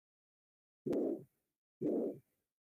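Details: Systolic ejection murmur.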